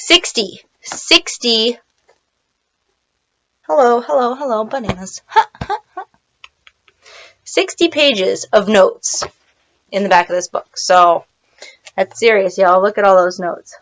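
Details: Adult woman with Tourette syndrome on a self-described milder day; speech interrupted by vocal tics such as 'bananas' and 'hello'; vocal tics (Tourette syndrome).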